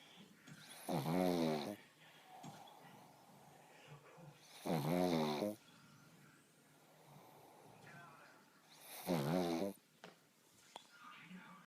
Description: Cydney the pug takes a little nap and is very loud.